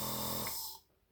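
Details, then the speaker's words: Adult woman with a dry cough switches on a B.Well compressor nebulizer with saline: steady motor buzz with a hiss, fading out after under a second. "я включаю и видите пошёл пар Вот это уже лекарство это уже физраствор"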